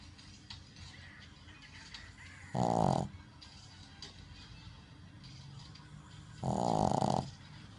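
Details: Female Shih Tzu dog, Ginger, asleep: two loud, rough snoring breaths about four seconds apart over steady background noise.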